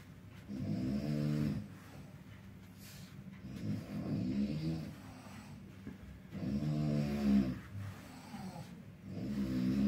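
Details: Snoring of a neighbour in a hospital room: loud, rough snores with each breath in, about 22 a minute, with quiet breaths out between them; ordinary snoring.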